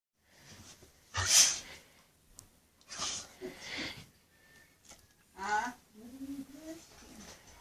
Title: Funny dog-sneezing